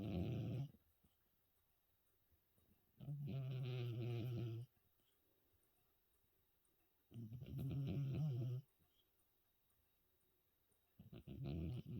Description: When a 14 year old cat is having a good sleep after new years eve 😊